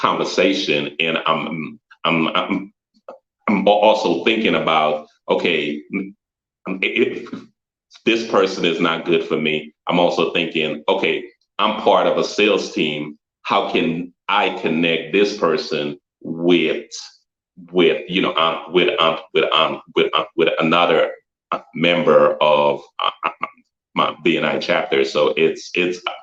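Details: Stuttering in an adult man who had always avoided public speaking and joined a business networking group as a personal challenge to overcome it.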